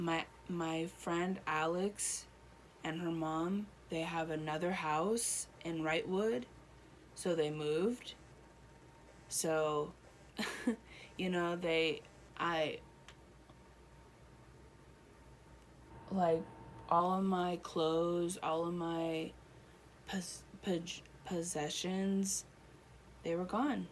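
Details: Adult woman one year after a stroke affecting her right side, speech improving with therapy; Broca's aphasia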